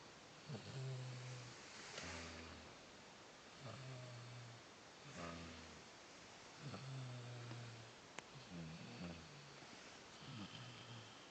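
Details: Sleeper gives soft, repeated, low snores alternating in and out, about six in eleven seconds, over steady room hiss; snoring.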